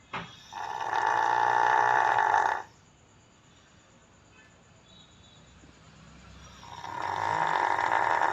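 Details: A dog in deep sleep snoring: long, loud, rattling snores on each breath with quiet pauses, much like human snoring.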